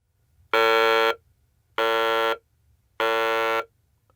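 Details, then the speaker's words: Electrolarynx buzz through the outer tube of the VTM-S20 vocal-tract model, without the constriction inserted: three steady tones giving a flat neutral vowel (schwa). "as a result you will hear a sound like the neutral vowel or the schwa"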